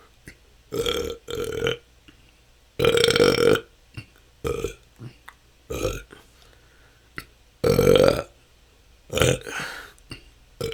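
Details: Frequent loud burps, about eight in ten seconds at irregular intervals in a quiet room, recorded continuously; the person says this can go on for hours and has been a struggle for the last couple of years. Excessive belching.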